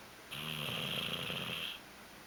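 A single rasping, whistly snore lasting about a second and a half, over light room noise.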